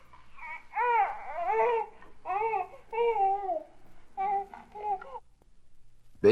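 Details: A series of strained, rising-and-falling infant grunts and whimpering cries ending in a sharp loud burst, from a 1967 recording of baby sounds: normal infant grunting while passing a bowel movement.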